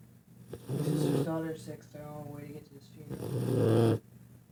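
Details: Puppy/dog with epic snoring in sleep: deep, rumbling, rattling snores on the in-breath, with a low grumbling tone between them.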